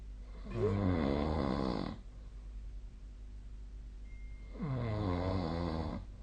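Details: Two long, rough, rattling snores about four seconds apart over a steady room hum, recorded during sleep on 2025/03/13: snoring.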